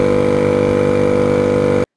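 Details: Portable suction machine switched on for rigid-catheter airway suctioning in an emergency-care demonstration: loud, steady humming motor drone that cuts off abruptly.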